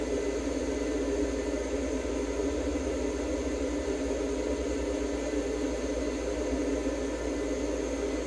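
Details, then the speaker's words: Budgerigar under veterinary treatment receiving warmed, humidified oxygen therapy inside an ICU incubator: steady fan hum with a constant airy hiss and low motor drone. "ICU 内で酸素療法を行っています。"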